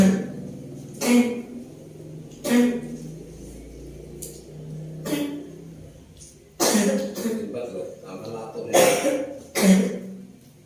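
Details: Woman with a cough that will not heal, which kept her awake all night, coughing during a traditional massage. About six harsh, lingering coughs over ten seconds, with room noise and background music. Persistent cough.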